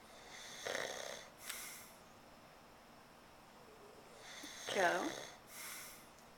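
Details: Adult man who uses a CPAP mask, asleep without it and denying he is snoring when woken: two loud, rough snores on inhalation, with quiet breathing between, in a small room.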